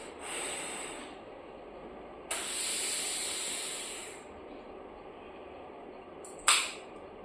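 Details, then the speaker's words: Breath-actuated pMDI inhaler (Synchrobreathe) demonstrated by a chest specialist for asthma/COPD: exhale first, slow long deep inhalation, then a sharp click as the dose fires mid-inhalation; correct technique. "तो सबसे पहले सांस को बाहर छोड़ देना है और इसको लेने के बाद एक क्लिक की आवाज आती है जैसे क्लिक की आवाज आती है ड्रग की डिलीवरी शुरू हो जाती है उसी टाइम पर"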